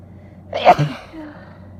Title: Big Wet Sneezes (F)